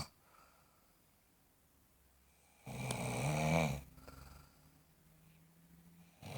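One loud, harsh, rattling snore lasting about a second, followed by a softer, low buzzing breath. Snoring during sleep.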